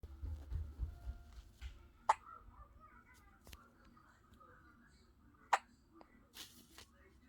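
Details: 4-day-old newborn baby: two small, sharp hiccup clicks a few seconds apart with soft room noise and faint rustling; infant hiccups.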